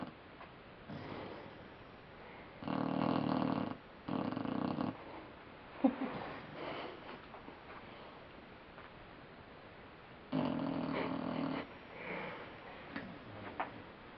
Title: Snoring Puppy